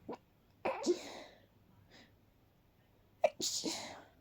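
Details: Person stifling a sneeze attack at night to avoid waking others: two muffled, breathy sneezes, each preceded by a short intake of breath.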